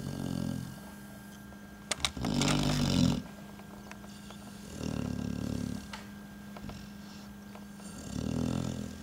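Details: Dog sleeping on a boot: deep rumbling snores, three loud inhalations at a slow breathing rhythm, faint room hum; snoring.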